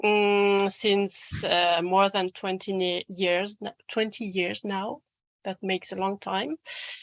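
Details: Adult French man who describes himself as a person who stammers, speaking English; stuttering.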